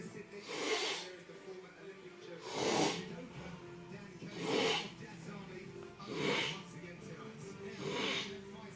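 Regular loud snorting snores, about five in nine seconds, roughly 33 a minute, with a low steady hum behind.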